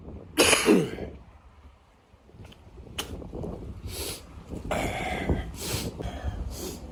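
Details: A harsh cough then repeated throat clearing, snorting and hawking from a man walking home from a bar, described as snot, coughing and phlegm; congested upper airway clearing.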